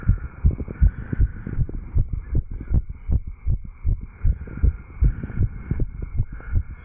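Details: Heart sounds after exercise: fast, regular heartbeat thumps from a 35-year-old male, self-recorded with a stethoscope over the tricuspid valve area right after jogging, with a steady faint hum behind.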